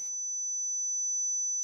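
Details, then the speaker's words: Simulated tinnitus tone matched for a patient during hearing testing: a steady, piercing, high-pitched pure-tone whistle, described as a squeal like a shaken light bulb filament. "but it's almost like you know the light bulb filament you know that sound if you get a light bulb and you shake it Tony it's a high-pitched squeal"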